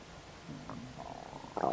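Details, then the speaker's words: Borborygmi in an adult just after eating ribs: low, bubbling gurgles slide in pitch and end in a louder squelching burst, ordinary stomach rumbling, described as never ending. "My goodness. My stomach enjoyed that. My goodness. It's just never ending."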